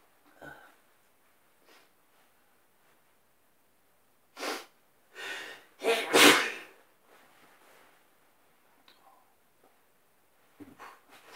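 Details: A run of three or four slightly wet sneezes close together, in bed in the morning in a quiet room, with sniffs before and after.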